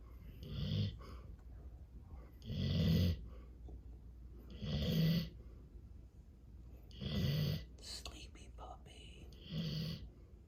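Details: A fluffy Golden Retriever sleeping under a table against the table leg gives low, rattling snores at regular intervals, about 28 a minute, with quiet room noise between; ordinary snoring.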